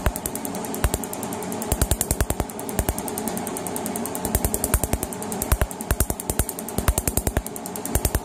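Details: Rapid, irregular sharp snapping pulses over a steady hum from a laser firing while a sun tattoo is removed; laser tattoo removal pulses.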